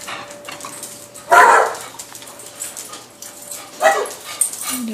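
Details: Dog coughing: two short, harsh coughing bursts over a steady background hum.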